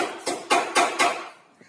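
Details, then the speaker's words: A stray dog sneezing four quick, sharp nasal bursts in rapid succession, each fading fast, in a small echoey space. "छींक ए रही है"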